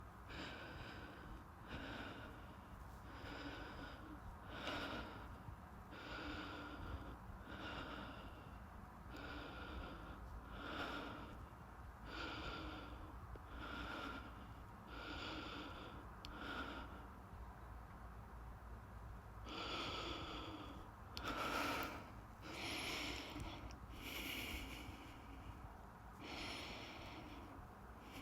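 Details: Loud, rapid breaths recorded close up, about forty a minute, with a snorting, gasping edge, while a visible heartbeat is filmed up close; heavy breathing.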